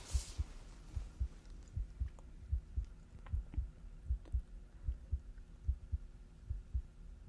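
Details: Simulated hospital role-play chest exam through a stethoscope: regular paired low thumps about 74 a minute, before deep breaths; normal heart sounds.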